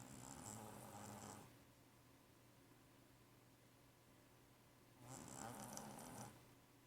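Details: Purebred Siamese cat with allergies snoring loudly while asleep: two long, loud rattling snores separated by a quiet exhale.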